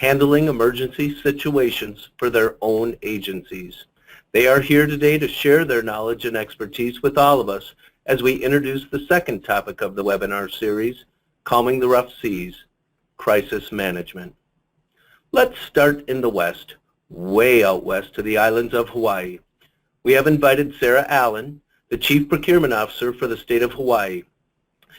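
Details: Adult man speaking; normal voice.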